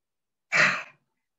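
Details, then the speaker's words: Effective cough training for Covid patients, taught by a rehabilitation physician: a single open-mouthed forced breath out lasting about half a second, a huff given with a jerk rather than a cough, to clear sputum. "terus di having seperti itu dengan hentakan tetapi bukan di batukan jadi dihembusin yang kedua masih dengan having ketiga"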